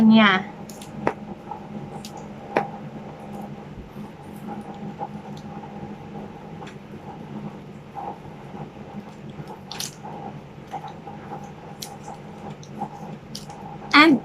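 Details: Steady low motor hum with small clicks as an automatic upper-arm digital blood pressure monitor cuff inflates, between two beeps; result 155/80 mmHg, pulse 76 per minute.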